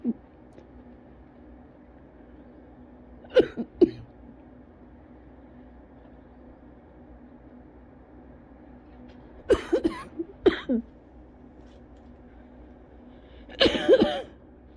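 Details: Cough variant asthma coughing fit after a cold-weather outdoor run, starting about 40 minutes in; persists at home despite inhaler use, with vomiting from coughing and lightheadedness; about eight harsh coughs in clusters separated by quiet pauses.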